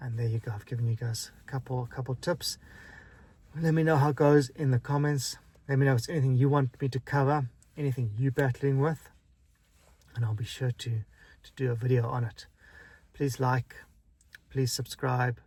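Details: Man who stutters; stuttering.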